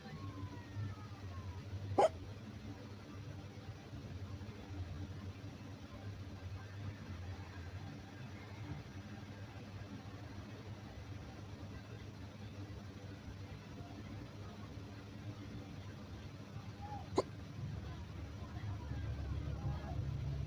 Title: Girl has uncomfortable hiccups before going to bed #hiccups